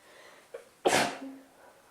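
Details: With a cold, sneezing: a short intake of breath, then one loud explosive sneeze fading into a brief voiced tail.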